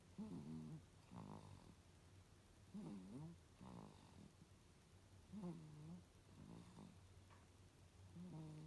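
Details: Japanese baby boy, 102 days old, sleeping, with big loud snoring: repeated low rough voiced snores with breaths, about 23 a minute.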